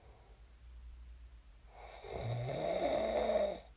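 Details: Real recording of a person snoring in their sleep, shared as snoring ASMR: one long, rough, rattling inspiratory snore, with quiet room noise before and after; ordinary sleep snoring.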